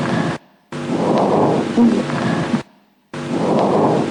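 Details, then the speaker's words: Rhonchi (dry, low-pitched "bass" rales) in a clinical lecture, heard over the large bronchi: breath sounds with low, rumbling, snore-like continuous tones through each breath. "А зараз ви будете чути сухі хрипи, або ще називаються басові хрипи."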